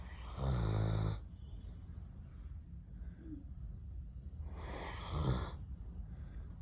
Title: Snoring doberman #shorts #doberman #pets #dog